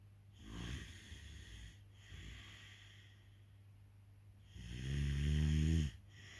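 Low rattling breath noises during sleep, ending in one loud, buzzing snore on the in-breath, with a steady hum in the room.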